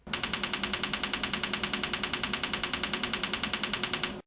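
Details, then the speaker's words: Rapid, evenly spaced loud clicks, about 10 per second for four seconds: NeuroStar TMS coil pulse train over the left prefrontal cortex, 5 cm anterior to the motor threshold site, during a depression treatment session of 3,000 pulses with the patient awake. "the neurostar TMS system delivers a sequence of 3,000 pulses during a treatment session"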